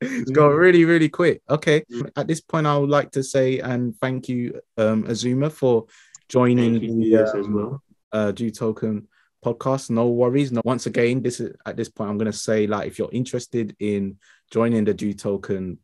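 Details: Adult male speaker; normal speech.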